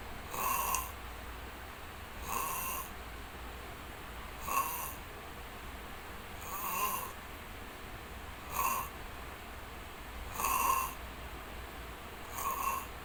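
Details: Long snoring in sleep: regular snores at about 30 a minute, each a short rough snort over a steady background hum.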